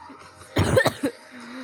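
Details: A child who has a cough, singing along to music, gives three quick cough-like bursts with faint background music around them.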